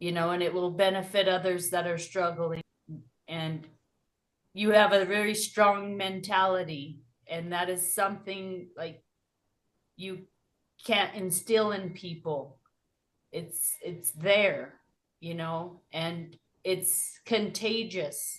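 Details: Adult podcast host; normal speech.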